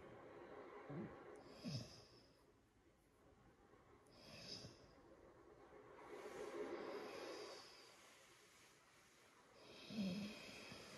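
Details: Sleeping piglet: slow, soft snorting and grunting breaths with faint whistling and gurgling; noisy sleep breathing.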